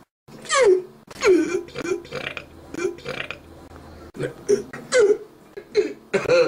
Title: HICCUPs, BURPs, and a FART!!!